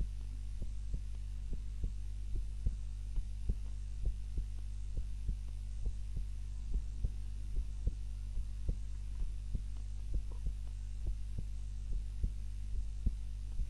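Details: Heart sounds recorded by timer during a daytime nap, lying on the back rather than the usual face-down: steady lub-dub heartbeat about 70 a minute under a constant low hum; normal heart sounds.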